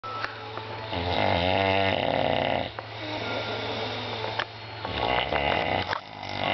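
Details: Adult man snoring late at night during sleep in a small room: loud, rough snoring with rattling, vibrating breaths.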